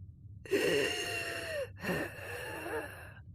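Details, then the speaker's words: Vocal imitation, not a real patient: high-pitched whistling wheeze on both inspiration and expiration, from turbulent airflow through a narrowed or compressed small airway making the airway walls vibrate; inspiratory and expiratory wheeze. "an inspiratory and expiratory wheeze airflow through a narrowed or compressed segment of a small airway becomes turbulent this causes vibration of airway walls and this vibration produces a sound wheezing"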